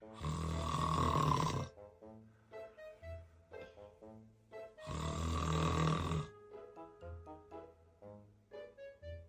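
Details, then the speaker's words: Acted comedy skit of a husband's exaggerated snoring: two long, loud, rattling snores separated by quiet stretches, over light music. His wife complains that he alternates between thunderous snoring and silence, and he later wears a breathing machine. "一会儿那个呼噜打的震天响，一会儿又没有动静，你这一惊一乍的，一惊大，娘俩都没法睡觉了。"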